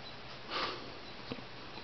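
A soft, breathy puff followed by one brief, sharp click-like catch in a quiet room; these abrupt jerky sounds fit a single hiccup.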